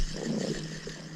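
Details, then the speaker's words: A brief, low gurgling rumble from a hungry adult's stomach after a day without food while surviving off grid; stomach growling (borborygmi). "i feel my body just saying eat my stomach is growling"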